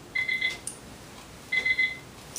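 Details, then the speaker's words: IV infusion pump occlusion alarm in a simulation lab: two bursts of rapid high-pitched triple beeps after pressing start on a primary infusion, caused by blocked flow because the roller clamp was left closed. "I've got an alarm read up here at the top it says occlusion well what did I forget to do I forgot to undo my roller clamp"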